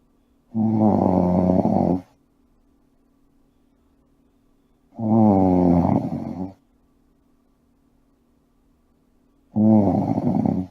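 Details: Sleeper snoring: three loud, rough, vibrating breaths separated by quiet pauses, roughly 14 a minute; snoring.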